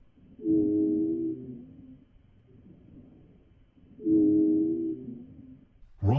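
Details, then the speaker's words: Chest auscultation: two long, musical, relatively high-pitched whistling sounds with a hissing or shrill quality, each over a second, with a quiet gap between: wheezes, which often suggest asthma. "Wheezes are relatively high-pitched and have a hissing or shrill quality and often suggest asthma."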